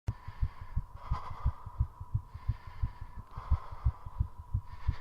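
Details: Rapid, regular heartbeat near 175 per minute with heavy breathing during a 3.5-minute squat session aimed at maximal heart rate: fast heartbeat from exercise.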